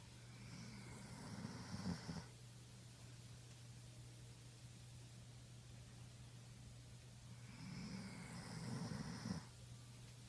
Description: Here's my 14.5 yr old Vizsla snoring away.